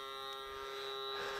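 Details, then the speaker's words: Navage powered nasal irrigation machine used by someone with long-standing allergies: steady electric buzzing hum as saline is pumped through the nose, back of throat closed, faint room noise. "and you can press it now it's shooting water through it's a very weird sensation but you'll see it start to come out into the bottom"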